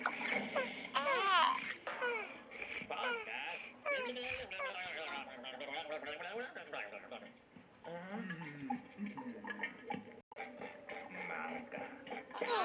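High-pitched wavering cries and whimpers with broken sobbing sounds, a young child crying in a small room.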